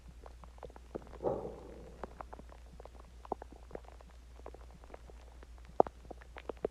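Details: Stomach growling (borborygmi) after eating Chinese food and drinking water: scattered soft clicks, pops and brief gurgles with one longer rumbling gurgle over a low steady hum.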